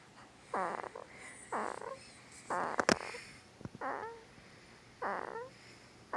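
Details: 2-week-old newborn boy, sound asleep, making repeated short squeaky grunts with snorty nasal breathing about once a second; newborn sleep grunting and snoring.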